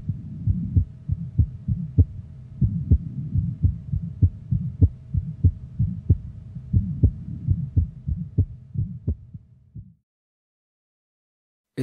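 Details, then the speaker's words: Still's innocent murmur: a quick regular heartbeat with a soft, low-to-medium pitched, musical, vibratory mid-systolic crescendo-decrescendo hum after the first sound, best heard with the stethoscope bell, typically at the lower left sternal border. "the murmur is low to medium pitched and thus best heard with the bell of the stethoscope"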